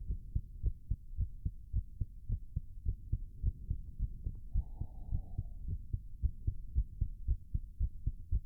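Fast, regular heavy thumps at roughly 110 a minute with a soft breathy rush underneath: a racing heartbeat during exertion.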